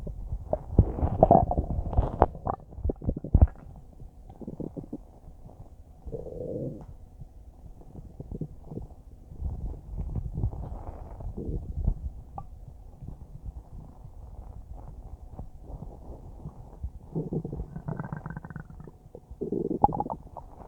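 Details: Normal bowel sounds recorded about a minute after eating a huge bowl of spaghetti: low, irregular stomach gurgles and churning rumbles of ordinary digestion.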